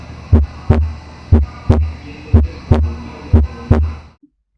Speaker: aquí lo estamos comprando con el ápex normal donde ustedes van a escuchar el relé r2 y van a escuchar que el impulso apical no llega hasta el segundo ruido se acaba antes